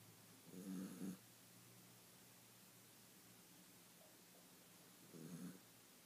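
Two soft rattling snores on the in-breath, about four to five seconds apart, over a low steady room hum.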